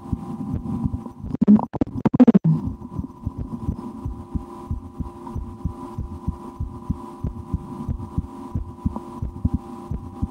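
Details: Own heartbeat heard through a stethoscope in an ASMR recording, after a lunch with loud digestion: soft regular thuds, briefly covered by chestpiece scraping, over hum; normal heart sounds.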